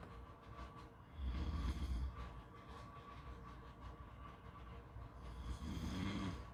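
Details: Soft, low, rumbling snores about four seconds apart over steady background noise, possibly at a beach; snoring during sleep.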